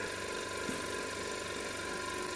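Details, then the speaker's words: Respironics Millennium oxygen concentrator (pressure swing adsorption) running with its cover removed during a teardown. Steady mechanical hum and rattling vibration of the compressor as it is switched on, with faint valve clicking. "now we'll turn it on I can see the compressor is running"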